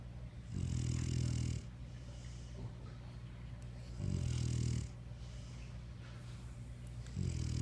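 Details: Sleeping female dog: loud, low, buzzing snores about every three seconds, each followed by a soft airy breath out; ordinary heavy snoring.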